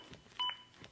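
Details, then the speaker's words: ZOLL AED Plus demonstration: a single short electronic beep of the CPR metronome, synchronized to chest compressions and pacing them to at least 100 per minute, restarting after pause for breaths. "the beeps begin again and are synchronized to my compressions and again speed me up to at least 100 compressions as recommended by the american heart association"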